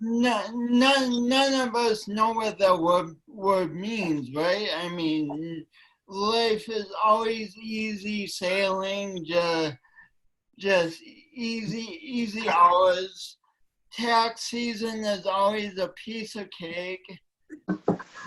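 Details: Female speaker with a self-described speech impediment affecting her voice and coordination, which she tried to deny for years; word repetitions and prolonged sounds heard, speech impediment.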